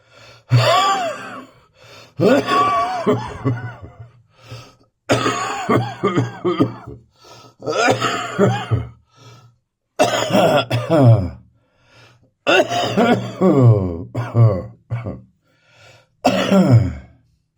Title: Bronchitis morning cough.